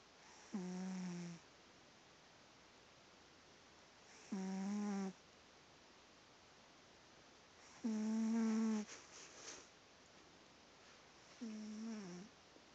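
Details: Female cat asleep, opening an eye but staying asleep: four soft, tonal, whistly snores about every 3–4 seconds against quiet room hiss; light snoring.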